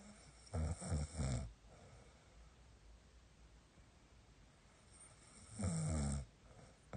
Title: Snoring interferes with wife's sleep(코골이로 마누라 잠 못자게 하기)